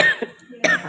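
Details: Two short, harsh cough bursts less than a second apart from an adult, 157 cm and about 72 kg, with high blood pressure and a month-long worsening cough that the doctor attributed to bacteria.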